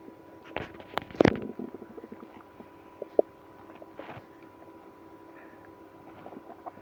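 Intermittent gurgles and brief rumbling squeaks over a quiet steady hum: active bowel sounds, stomach growling.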